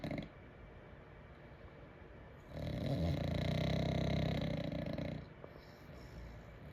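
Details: Sleeping bulldog, a short-nosed breed: one long, loud, rattling snore on a single breath with quiet breathing before and after; snoring.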